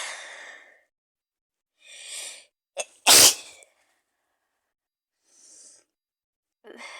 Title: Sneezing my Cold Out 🤧too many germs in the room 🦠